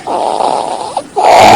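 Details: Child with critical congenital subglottic stenosis: harsh, high-pitched noisy breathing on both inhaling and exhaling, biphasic stridor from severe narrowing below the vocal cords.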